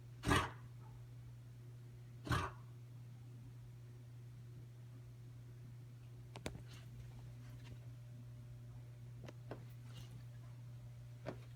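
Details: Dog named Buddy coughing: two short, harsh coughing bursts early on, then quiet with faint clicks over a steady low room hum.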